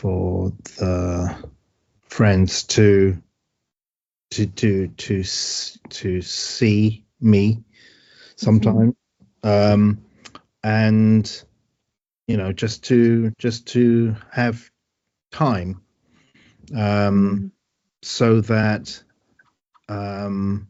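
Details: Adult man with aphasia after a stroke, with word-finding problems and great difficulty with numbers; real patient speech; aphasia.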